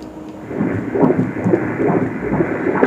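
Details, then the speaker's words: Normal fetal heartbeat on Doppler ultrasound at 28 weeks (about 7 months), rate about 135 a minute: rhythmic whooshing pulses over a low rumble. Estimated fetal weight 1 kg 119 g, movements strong, position good. "শুনতে পাচ্ছেন কি শব্দ এটা বলেন তো এটা হচ্ছে বাচ্চার যে হার্টবিট আছে না ওই হার্টবিটের শব্দ ঠিক আছে হৃদয় স্পন্দন বলি না আমরা ওই হার্টবিট এটাও ভালো আছে 135 ঠিক আছে"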